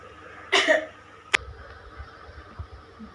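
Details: A single forceful cough followed by a short throat sound, in a nursing-student role-play of effective coughing done after deep breaths, breathing out through the mouth.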